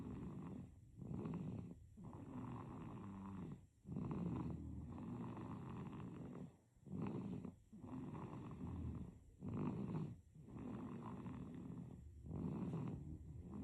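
Soft, rattly snoring sounds repeat with each breath, about 21 breaths a minute, with brief quiet pauses between them: snoring in a sleeping baby.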